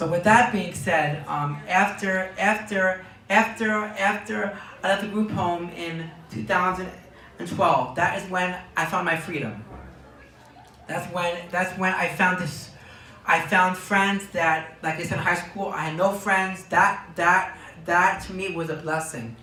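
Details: Word and phrase repetitions in a young man diagnosed with Tourette syndrome at age four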